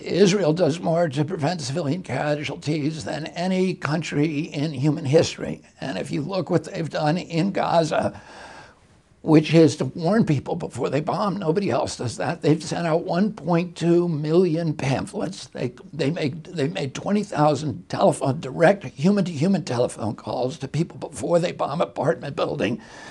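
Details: Adult male, real case, speaking in an interview: spasmodic dysphonia beginning in 1996 at age 42 after a neurological injury, attributed to the brain sending wrong signals to the vocal cords, not to the cords themselves.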